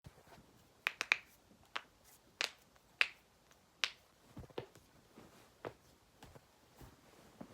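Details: Morning knuckle and joint cracking: a series of sharp, irregular pops.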